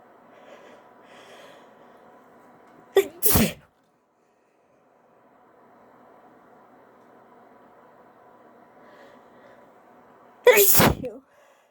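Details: Sneezing induced with a tissue: two forceful sneezes, each a short breath in then an explosive burst, with quiet room noise between them; sneezing.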